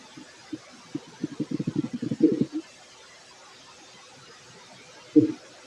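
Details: Fit man after a large meal of rice and chicken has a run of low gurgling and bubbling stomach rumbles, then a single later gurgle: ordinary post-meal bowel sounds (borborygmi).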